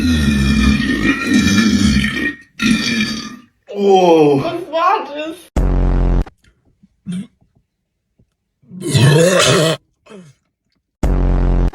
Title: Sprite challenge loudest burps 😭 #funny #shorts